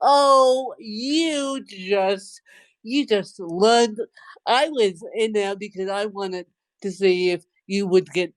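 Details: Dysarthria in a woman with cerebral palsy since birth, speaking in conversation.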